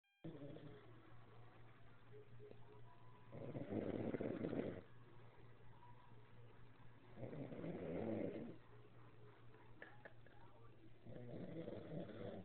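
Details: Three soft, rough snoring breaths about four seconds apart over a constant low hum, from a male sleeping; snoring.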